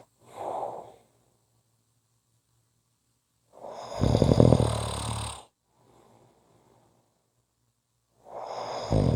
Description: Tuesdays are short Snoring days. Just a short snoring audio clip!